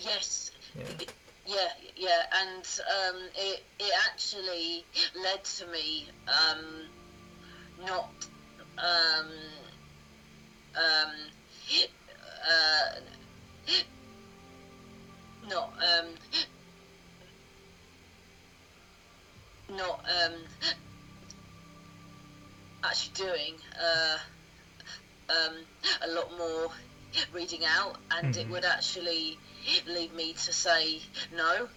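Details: Adult woman who has stammered since early childhood, around age two or three, telling her story; stuttering.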